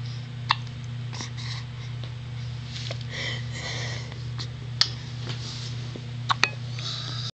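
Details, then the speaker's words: A newborn baby's first hiccups after birth: sharp, brief jolts, four in about seven seconds, over a steady machine hum. Labelled as fetal hiccups. "Oh, I feel so sorry for my baby. Got them awful hiccups. That's crazy, look."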